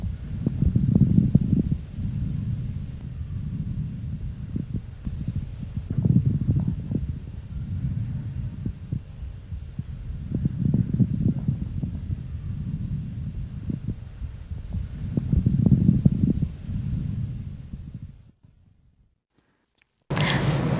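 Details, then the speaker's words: Paediatric auscultation through a stethoscope: low breath sounds with bursts of coarse, bubbling moist crackles, like sipping through a straw, from larger bronchi; may lessen after coughing, heard in bronchitis or pulmonary oedema. "Такие хрипы могут уменьшаться после кашля. Выслушать влажные крупнопузырчатые хрипы можно при бронхите, отёки лёгких."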